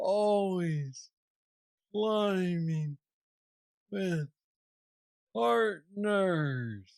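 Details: 46-year-old man with Parkinson's disease diagnosed at age 35, which he calls the most aggressive form; he has a deep brain neurostimulator implant and mobility struggles; Parkinsonian speech (hypokinetic dysarthria).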